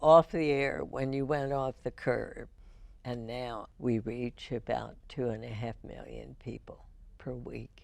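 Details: Spasmodic dysphonia in a woman, diagnosed in 1998, treated every four months with botulinum toxin injections into the vocal cords.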